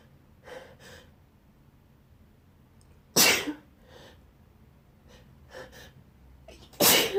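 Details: Wet sneezing fit in bed after waking with a nose tickle, with a nose blow partway through: two loud wet sneezes, each with a soft inhaled build-up, plus faint sniffing in a quiet room.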